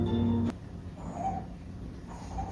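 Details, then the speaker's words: Wheezing in a child with respiratory distress: faint high-pitched whistling with rapid breaths, heard in pneumonia or bronchiolitis; a breathing-difficulty sign alongside chest retractions that warrants emergency care. "숨 쉴 때 들리는 소리 들리세요? 쌕쌕거리는 소리. 이게 쌕쌕거림이고 폐렴이나 모세기관지염이 있을 때 이런 소리가 들립니다."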